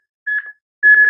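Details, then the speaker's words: Training AED coaching CPR on a manikin: two short, high electronic metronome beeps pacing chest compressions, with a light flashing at 110 beats per minute. ">> CPR on the chest and how we do it with metronome. >> And the flashing light is flashing exactly 110 beats per minute as it goes."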